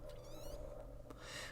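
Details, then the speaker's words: A sleeping pug snores terribly: steady low rumbling breath noise with a faint whistling edge. "The pug's snoring terribly bad every time I read."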